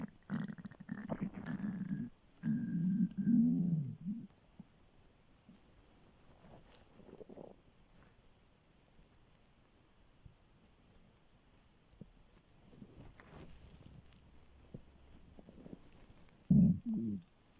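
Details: Morning on waking, very hungry before skipping breakfast: low gurgling and rumbling stomach growls in bursts with quiet gaps; hunger rumbling of the gut (borborygmi).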